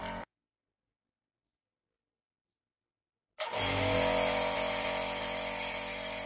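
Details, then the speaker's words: Nebulizer compressor (Accusure) switched on during a demonstration of how to use it, with speed control for output; after a pause, a steady loud buzzing hum runs continuously. "Machine चालू करके दिया है speed control और यहां से इसमें control कर सकते हो कितना निकलना चाहिए"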